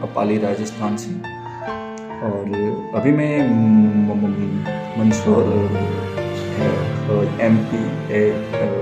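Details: Adult man from Pali, Rajasthan, who says he stammers and accepts his stammering, speaking Hindi over background music as part of a self-managed stammering mission; stuttering.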